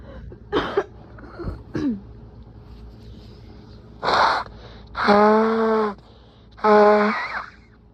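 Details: Strong sneezes in a person with a lingering cold in nose and throat: gasping build-up breaths then loud forceful sneezes, some with a voiced cry; rapid sneezing.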